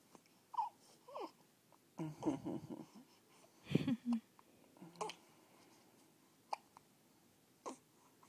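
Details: Two-week-old baby with hiccups: short abrupt hiccup sounds mixed with soft fussing and vocal noises in a quiet room.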